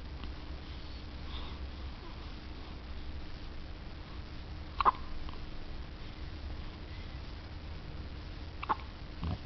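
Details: Two brief, sharp hiccup sounds about four seconds apart against steady room hum, during a long-lasting bout: hiccups.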